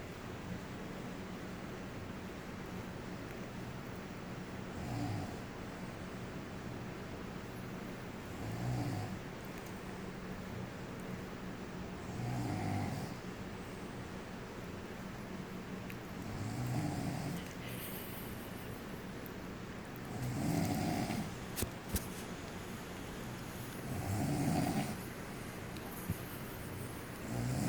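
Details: Snoring: regular low, rattling snores about every four seconds, six in all, over a quiet room hiss.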